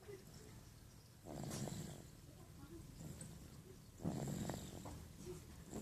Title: is snoring.